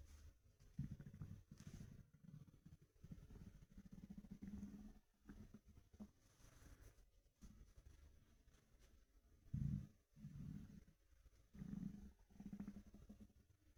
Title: Empty stomach rumbling through my tee shirt